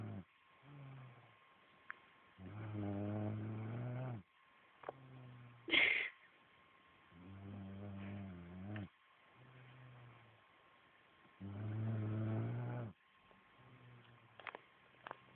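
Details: Female friend asleep and snoring: deep, buzzing, rumbling snores on breaths in, about 13 a minute, with softer grunting breaths out between them.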